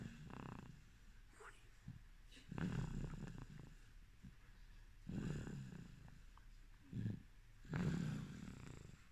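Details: A sleeping baby snoring, recorded as ASMR.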